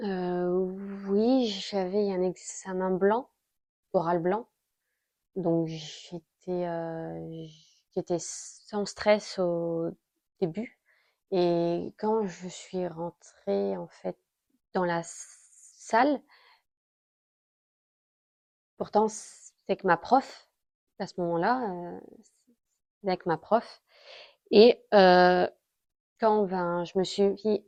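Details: 32-year-old woman speaking French, stuttering since about age 8; stuttering.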